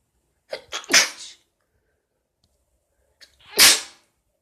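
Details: Person who is very sick with a cold sneezes twice while trying to stifle the sneezes; each has a short catching in-breath and a sharp hissing burst, the first in a quick double run: sneezing.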